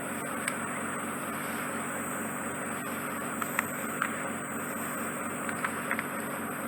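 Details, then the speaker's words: Endoscopic microsuction removing wet clay/mud-consistency ear wax from an adult client's ear canal: steady loud hissing roar with occasional small clicks and crackles. Ear wax microsuction noise. "it's a bit uncomfortable and it can make a very loud noise and you vacuum it it's not blocking you it at all"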